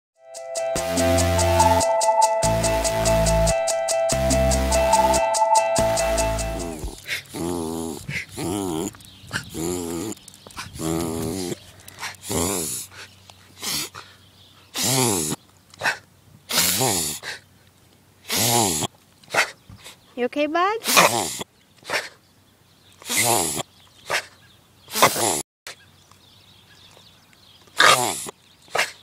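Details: Dog on a walk that randomly starts repeated rapid, loud snorting inhalations, after a brief music intro: reverse sneezing episode.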